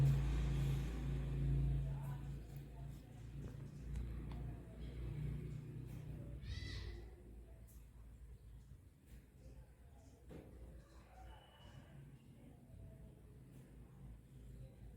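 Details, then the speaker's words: Normal bowel sounds: low rumbling with intermittent soft gurgles and clicks, faint music behind. Stethoscope diaphragm is on a female patient's abdomen, listening for one minute before percussion and palpation. Normal is 5–34 sounds per minute. "vamos a colocar el diafragma del estetoscopio sobre el abdomen de la paciente para escuchar los ruidos intestinales estos tienen que ser ruidos hidroaéreos de manera normal y vamos a escuchar durante un minuto"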